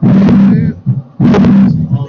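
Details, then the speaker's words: Two long, loud whooshing heart-sound cycles with a low hum, played in a classroom lesson; aortic valve not closing fully so blood flows back into left ventricle; aortic regurgitation murmur. "back pay or dick insufficiency the fouls not closing here all the way so when it shuts it's moving backwards that's like boom and then the blood shoots out right there"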